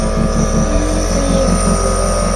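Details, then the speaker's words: Child with a bad cough having a nebulizer treatment: steady low motor hum with a buzzing drone from the running nebulizer compressor. "we just did the rest of his a nebulizer stuff that he did not get to finish at the doctor's office"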